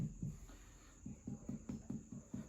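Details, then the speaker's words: Abdominal examination, finger percussion with the middle finger's interphalangeal joint struck across all four quadrants: a series of short hollow drum-like taps, normal tympanic percussion note. "as we can hear the patient have normal um sound this that is tympanic"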